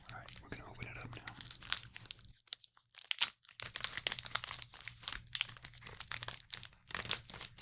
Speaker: tell me in the comments would you like better the paper sound or the plastic sound